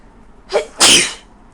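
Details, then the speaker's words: Person with the worst cold of their life sneezing at 3 a.m.: a short sharp in-breath followed by a loud, hissing burst of air. "me seing my ass off because I have the worst cold ever"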